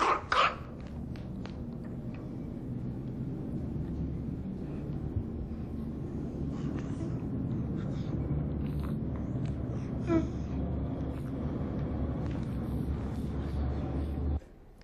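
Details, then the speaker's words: Child in a stridor-identification training exercise: low, wet, rumbling noise on breathing in and out from a blocked nose, judged not stridor; noisy breathing from nasal blockage. "Oh we heard a wet noise when was breathing in and out therefore we decided that did not have Strider but a blocked nose listen again"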